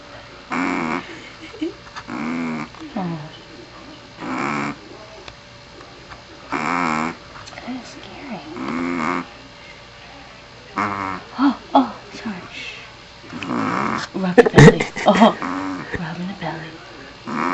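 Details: Bella, a Pomeranian, sleeping with repeated short, tonal snoring sounds roughly every two seconds.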